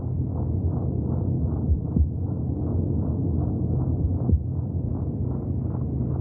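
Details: Normal fetal heartbeat heard in the womb: quick, regular whooshing pulses within a deep, muffled background.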